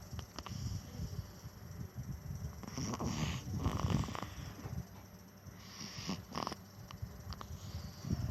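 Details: Infant snoring: low, rattling, snorting breath noise repeating with each breath, with a few louder snorts.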